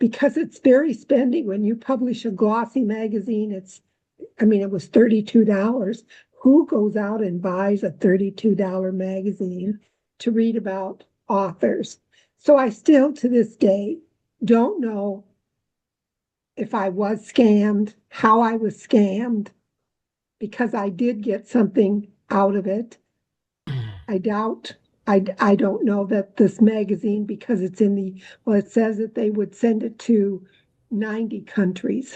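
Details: Adult woman speaking; plain speech.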